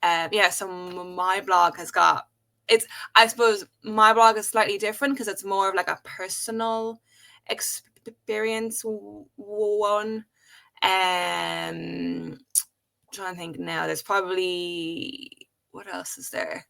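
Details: Adult woman who has stuttered since age five, speaking in a podcast conversation. Stuttering.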